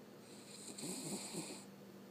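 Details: One soft, fluttering snore from a sleeping dog over a steady background hum.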